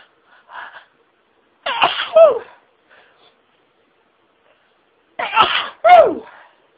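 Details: Self-recorded intense sneezing fit, intensified by stifled sneezes, becoming rapid: two sharp sneezes in quick succession, each with a gasping intake before it, in a quiet room.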